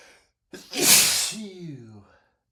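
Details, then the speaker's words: Man's loud, explosive sneeze after a brief catch of breath, ending in a voiced trailing sound; part of a persistent, non-rapid sneezing fit triggered by black pepper while cooking. "My pepper sneezes are not rapid at all, but they sure are persistent. They they just don't stop."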